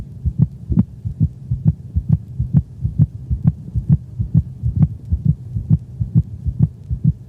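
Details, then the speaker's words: Heart sounds from a dog with heartworms and pulmonary hypertension over the pulmonic region, cranial left thorax: rapid regular beat with a split second sound like "lub drop," close and higher-pitched than the first sound, from delayed pulmonic valve closure. "the sound resembles that of a lub drop the split sounds are close together and higher in frequency than the first sound this split-second sound was recorded from a dog with heartworms"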